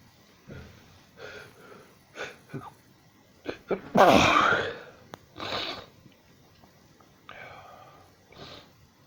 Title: Sneezing non stop like a nutcase